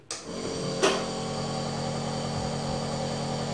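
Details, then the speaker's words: A click as the switch turns on, then a steady, fairly quiet motor hum from an AGARO NB-22 compressor nebulizer running. "तो हमारा nebuliser on हो चुका है। आप इसकी आवाज़ सुन सकते हो, काफ़ी कम आवाज़ है।"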